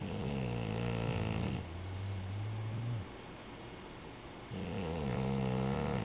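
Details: Snoring from a little girl.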